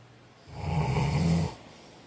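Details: A single low, rattling snore on breathing in, lasting about a second, from an adult asleep; ordinary snoring.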